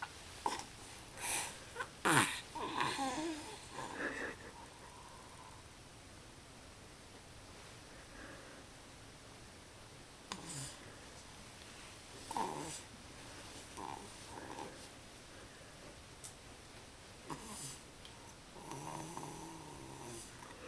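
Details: Infant aged 3 months 1 week with a cold, asleep in a bouncy seat: irregular snorty, snuffly breathing noises with quiet pauses, infant snoring.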